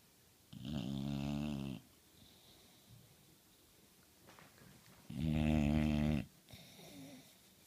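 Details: Two loud, buzzing rattles on the in-breath, about four seconds apart, with quiet breathing between: a sleeping dog snoring.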